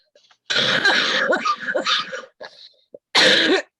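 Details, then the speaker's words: Adult who coughs every once in a while and says the cough never feels clear: long, rough, throaty cough, a brief pause, then a final cough. "but whenever I cough I don't feel clear you know what I mean"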